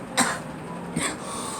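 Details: Girl coughing; cough.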